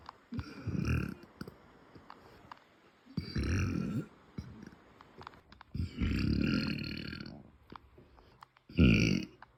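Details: Four low, rumbling, deep closed-mouth burps from a girl, a few seconds apart in a quiet room; ordinary belching.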